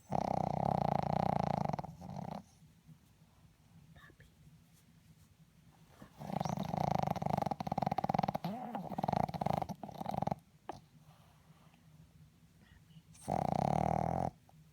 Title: My dog snoring! My mom woke her up...